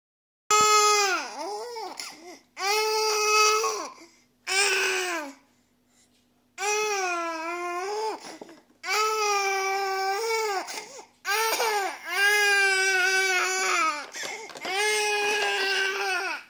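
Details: Infant crying in repeated, strongly voiced wails separated by brief pauses for breath.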